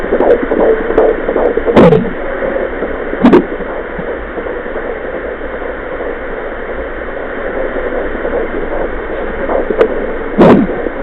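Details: Fetal heartbeat at 14 weeks of pregnancy on a home fetal Doppler (Mommydop): rapid, muffled whooshing pulse through Doppler hiss, broken by loud scraping probe bumps.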